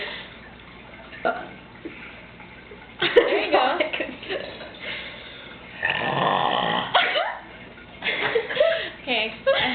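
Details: Deliberate belching contest between two people late at night, about 2005: several loud, drawn-out burps with brief voices and background noise between them.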